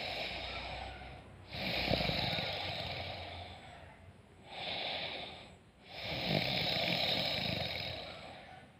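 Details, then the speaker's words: Person snoring while asleep, recorded to demonstrate the sound of their breathing during sleep. "Gua mau tunjukin guys bernaapas saat tidur suaranya Bagaimana Nah begini dengerin ya"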